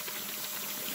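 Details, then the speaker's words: Homemade breathing-aid/ventilator prototype test with a simulated hospital air supply: continuous fine bubbling and gurgling as oxygen passes through the humidifier water bottle, its level still lower than the other. "so we can see the oxygen bubbling lastly there it's still lower than the other one"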